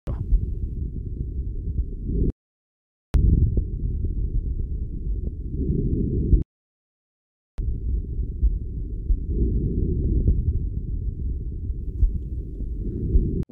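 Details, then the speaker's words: Normal vesicular breath sounds, stethoscope diaphragm moved from lung bases upward, sides compared, arms raised for costal and subaxillary areas: soft, low-pitched rustling, equal intensity and tone on both sides. "we should perceive normal breath sounds with the same intensity and tone on both sides"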